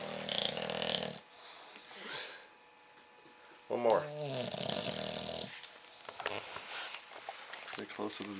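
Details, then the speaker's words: English Bulldog, 8 months old, snoring in sleep: loud, rough snorting snores mixed with background noise. "oh my God Archie the bulldog snoring"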